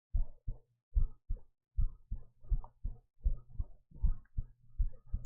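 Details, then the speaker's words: Muffled, steady lub-dub heart sounds at about 80 beats a minute, a normal heartbeat heard through a device during a live ASMR stream; the speaker feels it sounds a little too fast. "This is This is what the heart sounds like. It's totally functional."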